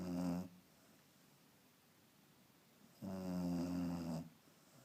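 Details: Two loud, low rattling snores from a sleeping dog, each on an in-breath about three seconds apart, separated by quiet, ordinary snoring, described as about as loud as ever.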